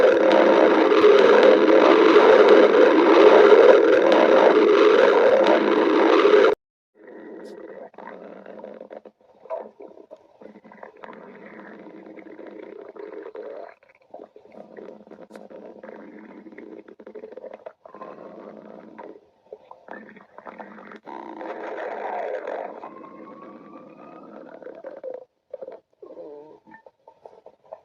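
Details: Badger's stomach growling: loud rushing noise, then low gurgling rumbles and a brief squeaky whine; borborygmi.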